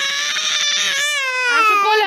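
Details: Young boy crying for his father, who has gone to bathe, while being comforted: high-pitched, sustained wailing, rising then falling; an ordinary emotional cry.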